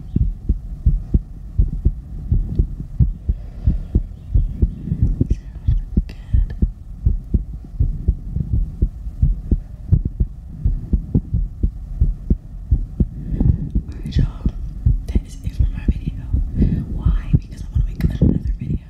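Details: ASMR heartbeat recorded after exercise: a steady, strong, normal heartbeat at about 86 beats per minute, with faint whispering over it.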